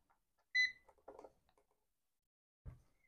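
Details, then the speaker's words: A single short high beep, then quiet handling clicks, as a portable PSA oxygen concentrator (model NT-3) is switched on: device beep. "may narinig kayong beef ibig sabihin ay gumagana"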